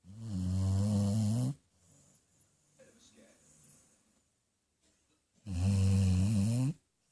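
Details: Lucy, a female basset hound, asleep on her owner's lap, snoring: two long, loud, low rumbling breaths several seconds apart, with quiet breathing between.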